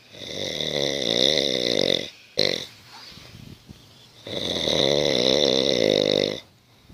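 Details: Sleeping dog snoring like a human: two long, loud, rattling snoring breaths with a quieter pause between; ordinary snoring.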